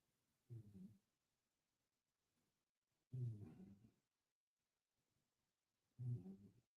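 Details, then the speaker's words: Pet snoring in the background while asleep, likened by the owner to a human with a little sleep apnea: soft, low, fluttering snores recurring about every three seconds. "It's unbelievable. Like a human getting a little sleep apnea. Like sometimes he'll snore so loud that I'll have to tell him I'll go macho."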